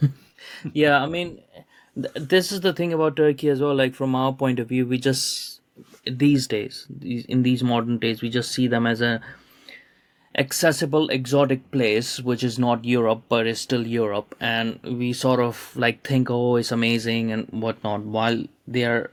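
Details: Adult man speaking; typical speech.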